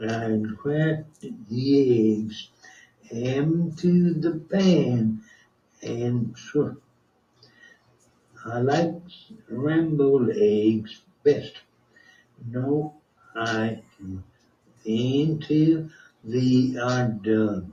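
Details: Non-fluent (expressive) aphasia, speaking with speech entrainment therapy (audio-visual speech model via iPhone and headphones); presented as markedly improved fluency, and the model's voice may also be heard.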